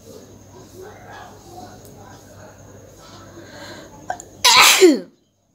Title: Nose blowing and sneezing with the amount of snot collected(requested video)